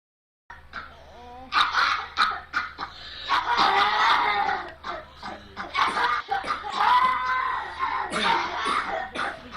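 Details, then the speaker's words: Child with habit cough: repeated loud, harsh, honking cough bursts; habit cough (somatic cough syndrome). "University of Iowa we had shown that 10% of the children you know had a soft cough almost just like exaggerated throat clearing"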